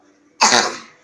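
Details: Single harsh cough burst after quiet, fading over about half a second, recorded in a salt cave visited to treat the cough.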